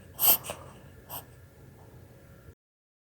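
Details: Three short, sharp snorting bursts from a dog: a reverse sneeze, judged harmless by his vet, possibly from an environmental allergy or excitement.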